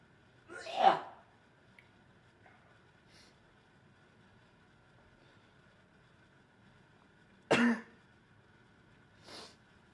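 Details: Male streamer, who mentions allergies, gives two sharp, explosive sneezes and a softer third burst in a quiet room.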